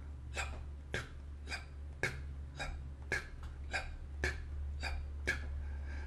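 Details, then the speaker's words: Vocal imitation of normal heart sounds: short, crisp repeated lub-dub beats, S1 from mitral and tricuspid valve closure and S2 from aortic valve closure. "that's when the mitral and the tricuspid valves close producing the first hard sound and when the aortic valve closes we hear the second heart sound"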